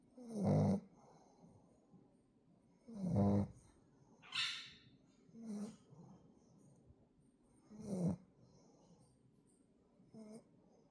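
Irregular low snorting snores about every two to three seconds, with occasional higher wheezy snuffles. Snoring in a flat-faced dog.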